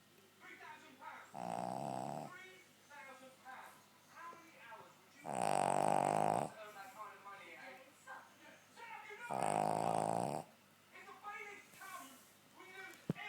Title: Chester the incredible snoring spaniel